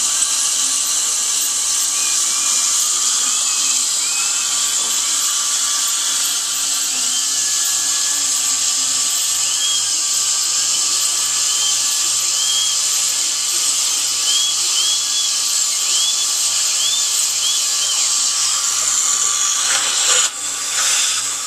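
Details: Steady high-pitched dental drill whine with faint water spray, recorded while preparing a tooth for a bonded white (tooth-colored resin) filling done without needles; the last of the drilling.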